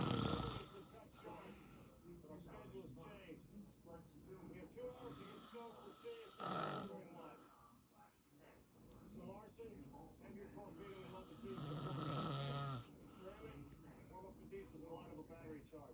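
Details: Adult man (father) asleep: low, rattling snores with snorting, croaking breaths, over some background noise.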